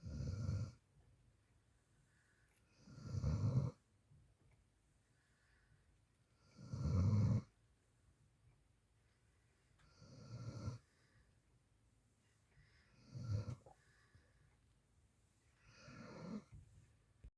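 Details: Soft, low, gentle snoring during sleep, recurring about every three seconds (roughly twenty breaths a minute) in a quiet room.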